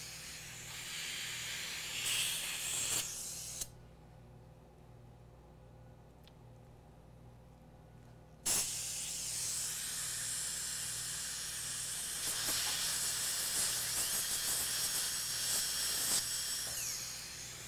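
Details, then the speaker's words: A high, hissing spray from an ultrasonic dental tip, with a short pause and low room hum, as it finishes opening the distobuccal canal orifice during a live root canal treatment on tooth #14. "the distal-buccal still bugs so ultrasonics gonna finish it and we're gonna move on"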